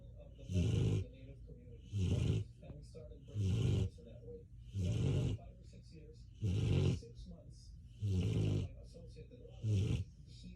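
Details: Animal medicated after surgery, asleep on a cool floor: loud, rough, low snores with quieter gaps, about 40 a minute; snoring.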